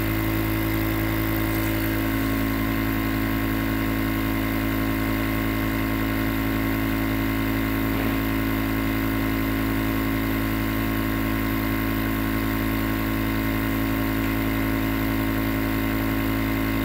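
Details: A steady, unbroken motor hum with a low drone and fixed whining tones: a nebulizer compressor running continuously, recorded as white noise for sleep.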